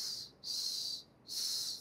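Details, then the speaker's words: Wheeze, as in asthma with bronchoconstriction: high-pitched, hissing, whistle-like breath sounds in two or three bursts, described as heard at the end of expiration as air leaves. "Você vai escutar um som muito parecido com assovio. E se for um sibilo de asma, em que momento a gente ausculta o sibilo? Na respiração? No final da expiração."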